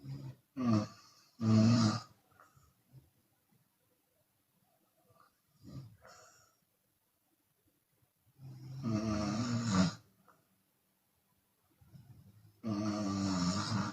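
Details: Loud, rough open-mouth snores from a sleeping Chinese woman on breathing in, separated by quiet pauses and softer breathy exhalations; exhale snoring occurs sometimes.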